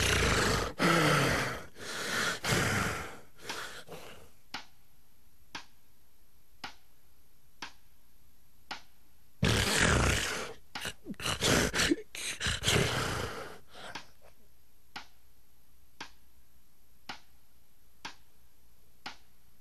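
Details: Loud, rough snoring and snorts in two bouts separated by about five seconds of near silence; recording raises the question of simple snoring versus sleep apnoea, with breathing pauses.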